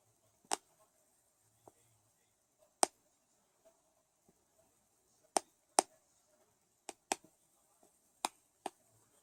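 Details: Severe teeth grinding (bruxism): sharp, irregular clicks and snaps of teeth striking together in a quiet room.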